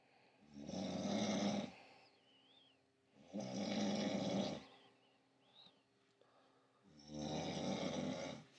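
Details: Wife who claims she doesn't snore, snoring loudly at night: three rough, rattling snores on the in-breath, roughly 20 breaths a minute, with quiet pauses between.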